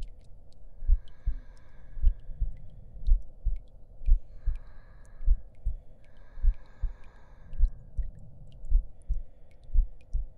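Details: Soft, regular low heartbeat thumps at about 52 per minute, with a faint voice-like hum and crackle behind, in an ASMR roleplay audio as the listener lies down to rest; heartbeat.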